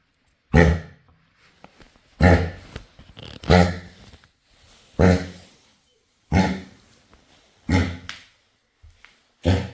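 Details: Dog with kennel cough, as the owner describes it: seven harsh, honking coughs over about ten seconds, separated by quiet gaps.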